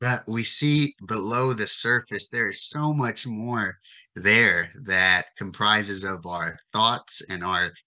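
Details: Stuttering with audible repetitions and fillers in an adult man, English and Spanish speaking, who has stuttered since age 4, whose father also stutters, and who reports increased core and secondary stuttering behaviors in adulthood.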